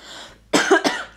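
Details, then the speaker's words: Two quick, harsh cough bursts from an adult after a brief quiet pause, during a bout of coughing with an affected voice: cough. "I'm really sorry you've had to listen to all the coffin in this video I've tried to edit as much as I can out"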